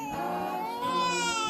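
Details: Sustained, rising infant cry with clear tonal voice and faint background music, from a baby brought to a chiropractor for worsening gas, especially after feedings, and bowel movement problems; ordinary crying episode.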